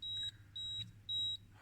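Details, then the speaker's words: B. Braun Infusomat Space IV infusion pump powering up during a teardown, then showing a battery-missing message: three short high-pitched electronic beeps about half a second apart over faint room hum. "okay so it's turning off okay now it's turning on then what i want to open it really okay so it says better battery is missing uh you need to confirm the battery is missing"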